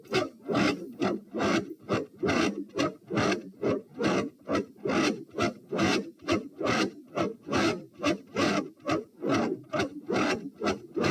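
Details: Fast heart rate played in slow motion, recorded at position p with the patient standing: regular, harsh-sounding beats with a prominent, loud first heart sound; loud S1.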